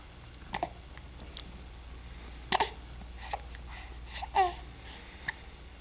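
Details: Serious hiccups: several short, abrupt catching sounds with a small vocal click, irregularly spaced, over steady room hum.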